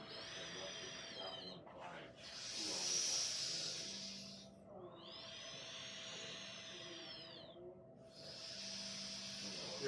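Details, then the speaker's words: Physical therapist demonstrating a respiratory muscle trainer for sleep apnea at about 70% effort: slow, forceful breaths through the resistance device, each with a harsh airy rush and whistle. "I mean, you're not blowing as hard as you can and you want to make sure you're not puffing out your cheeks because if you're puffing your cheeks that means you're working too hard."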